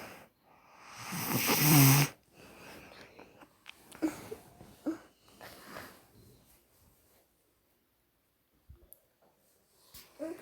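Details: A sister snoring while asleep: one loud, harsh snorting snore, then quieter rustling breaths and long near-silent stretches.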